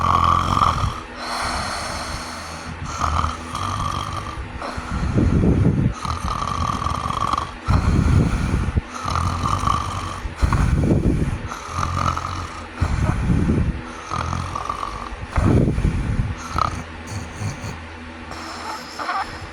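Loud, rough snoring comes in repeated bursts, typical of the heavy snoring seen with sleep apnea.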